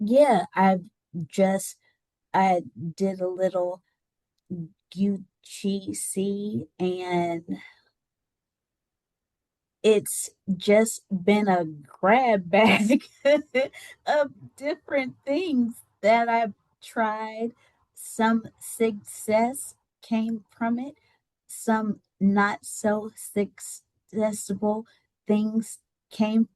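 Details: Adult woman with aphasia after a stroke that left her unable to talk and partially paralysed on the right side, speech regained with therapy.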